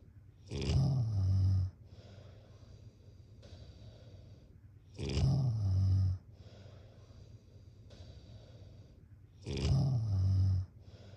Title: # #snoring #snoringasmr #snoringsounds #snoringsleepingsoundeffect #sleepsounds